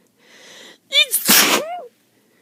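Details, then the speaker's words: Wet-sounding sneeze with a cold caught after a weekend at a lake: a brief voiced intake, then one loud, hissing sneeze burst with a voiced tail. "I just sneeze. Just sneeze."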